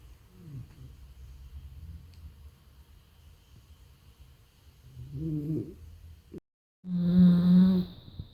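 Low, rumbling snoring breaths from a sleeping small dog, ending in a brief, louder squeaky tone.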